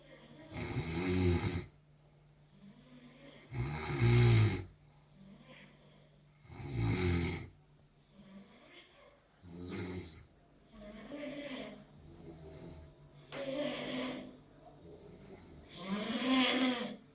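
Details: Loud, rough, fluttering snores on each in-breath with quieter out-breaths, about 21 breaths a minute; regular heavy snoring.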